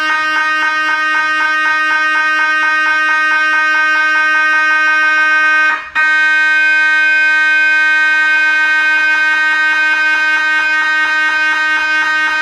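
Loud, steady mechanical buzzing with rapid regular pulsing near two per second and a brief break midway: MRI scanner noise.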